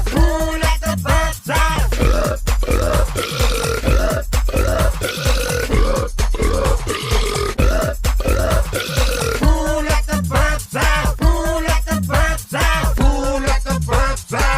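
Repeated low, drawn-out belches edited in rhythm over loud music; burping used as a musical effect.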